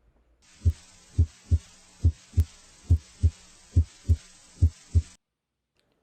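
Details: Regular lub-dub heart sounds at about 70 beats a minute over the apex, first sound louder than second, in a demonstration cardiovascular exam on a male patient: normal heart sounds.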